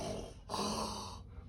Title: من اليوم غا تهنو من #شخير 💯😍🔥